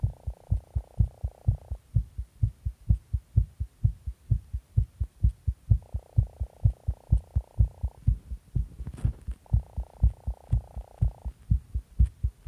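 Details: Tachycardia after stimulant use: fast, regular thumping heartbeat about 128 a minute with a steady background hum.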